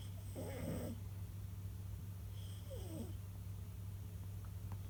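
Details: Loud snoring during sleep: two short snorting snores over a steady low room hum.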